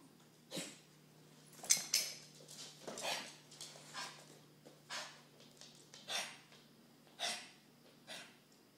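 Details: Dog with repeated harsh hacking, retching, dry-heaving cough, about ten efforts in nine seconds, recorded for the vet because it wouldn't happen at the vet's office; nothing came out.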